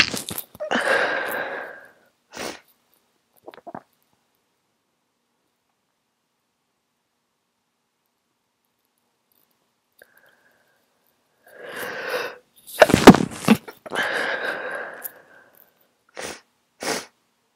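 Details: Several short, muffled sneezes held back through a closed mouth, with sniffs and quiet gaps; stifled sneezes in an adult with a cold after the flu.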